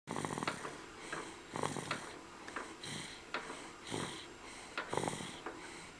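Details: Sleeping dog snoring in a steady rhythm, about ten raspy breaths a minute, with soft whistling on some breaths.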